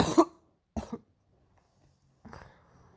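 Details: Painful morning cough: three short, harsh coughs in a quiet room, the last one weaker, with pauses between them.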